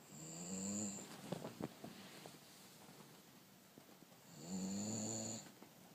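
Two drawn-out, low, rumbling snores, each followed by a whistling tone, separated by a quiet pause of about three seconds. Ordinary snoring.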